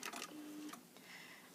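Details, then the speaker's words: Hospira Plum XL IV infusion pump back-priming: quick mechanical clicks and a brief motor whir, then quiet, as fluid from the primary bag is drawn back into a 10cc syringe through the cassette. "this must be pointed at hold and then we'll hit the back prime button and you can watch this 10cc syringe then starting to fill up with the fluid from our primary bag"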